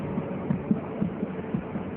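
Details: Fetal heart auscultated over the mother's abdomen after Leopold examination, counted in 5-second intervals (about 11–12 beats each); rapid, regular soft thumps around 135 beats a minute, a normal fetal heart rate.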